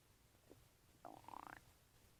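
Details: Person's stomach making loud noises: a brief gurgle then a half-second bubbling, pitched rumble; ordinary bowel sounds of gas and fluid moving.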